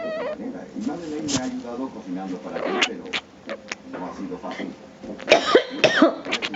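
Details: Lulu coughing, described as annoyed because she isn't allowed to sleep; cough.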